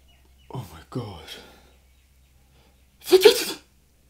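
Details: Person with hay fever: two drawn-in, voiced gasps build up, then after a brief pause one loud, explosive burst of air, a single forceful sneeze.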